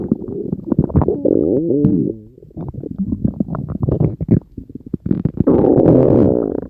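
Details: Loud, continuous stomach growling with squeaky, bubbling gurgles and rumbles from the belly; ordinary bowel sounds (borborygmi) from gas and fluid moving through the gut.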